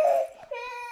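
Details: A young child cries in short wailing bursts ending in a steady high sustained cry, apparently upset over a school tiffin box.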